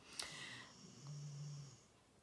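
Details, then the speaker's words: A low, buzzing rumble of about half a second in a quiet small room: a dog snoring in the background. "si vous entendez ronfler derrière c'est le chien"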